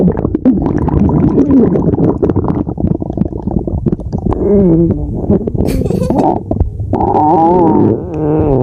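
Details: Stomach growling (borborygmi): long, loud gurgling and rumbling with bubbly pops and rising, whining growls, ordinary bowel sounds.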